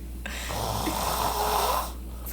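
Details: A sleeping man, filmed without waking, gives one long, rough, fluttering snore on a breath in over a steady background hum: snoring.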